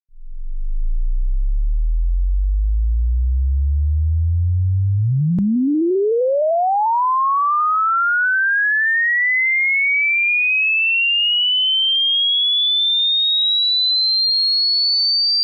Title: Hearing test